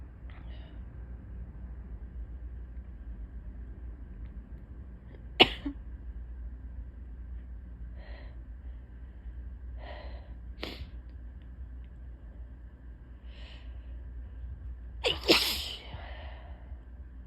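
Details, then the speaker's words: Quiet sniffy tickly build-up breaths then two sharp sneezes, the last strong and forceful, during a day-long allergy flare of repeated sneezing. "Are we done? Or do we have more sneezes? The jury is still out."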